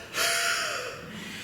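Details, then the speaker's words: Single forceful open-mouthed breath out under a second, a huff using abdominal muscles, as if fogging a mirror, demonstrated by a physiotherapist as the forced expiration technique within the Active Cycle of Breathing for airway clearance. "Another way to know how if you're doing the huff correctly, imagine you had a small pocket mirror in front of you and you wanted to fog that mirror up."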